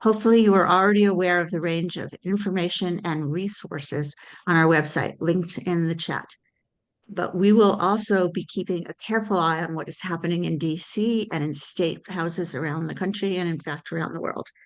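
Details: Adult speaker; normal speech.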